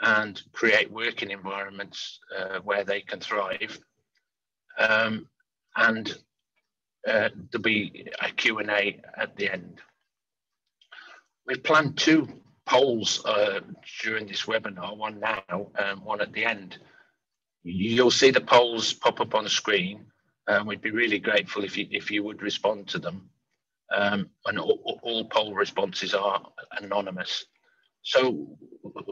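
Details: Adult man who stammers, speaking openly with his stammer; stammering.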